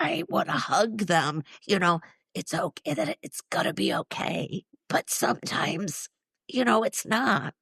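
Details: Woman in her mid-60s, former choir singer and special education teacher, with neurological spasmodic dysphonia involving the basal ganglia, plus essential tremor; affects vowels and weakens the voice; treated with Botox injections to the vocal cords; spasmodic dysphonia.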